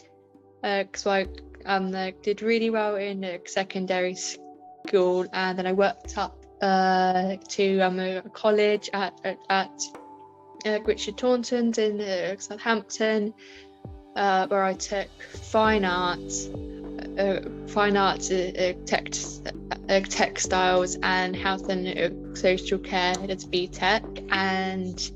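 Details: Adult woman with a stammer present since about age five; stammering.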